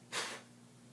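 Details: A person sneezes: one brief, soft, hissing burst of air in a quiet room; sneezing.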